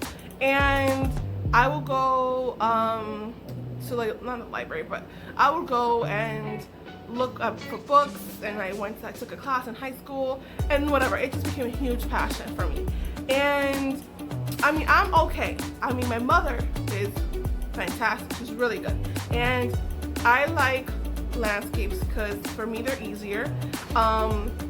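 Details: Adult woman with aphasia after a stroke that took her ability to talk, write and paint; aphasia.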